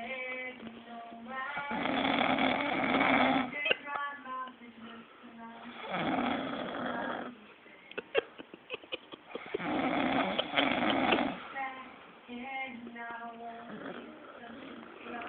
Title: Snoring Lol